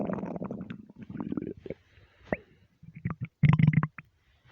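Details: Loud, gurgling low stomach rumbles and squeaky bursts, attributed to being half hungry and half gassy from eating too much; borborygmi.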